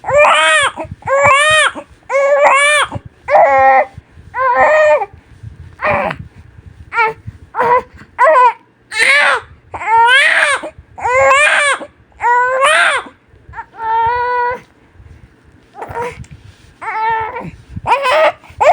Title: Som de bebê chorando | Choro de bebê recém nascido chorando muito #PAIDONOAH #baby #bebe